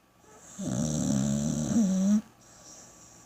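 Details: One long, loud, droning snore with a buzzing, fluttering tone lasting over a second, then quiet breathing, from a sleeping pit bull dog; snoring.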